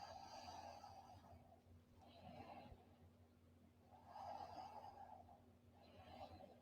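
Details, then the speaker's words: Soft rhythmic snoring from a sleeping woman, about one breath every two seconds, over steady room hum; ordinary snoring in sleep. "Humihilik. Yung cute niya para siyang baby. Pakinggan niyo, sarap tulog."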